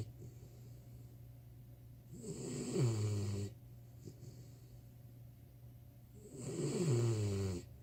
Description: Cassie 4 months old snores under my desk